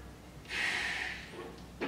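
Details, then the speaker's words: Respiratory muscle strength test on a K5 device: after breathing all air out, one sharp, hard, rushing maximal inhalation of about one second through the mouthpiece; a maximal inspiratory effort. "rongest and then i want you to inspire or inhale hard fast to complete and it might sound a little bit like this okay so i want you to work really hard for me"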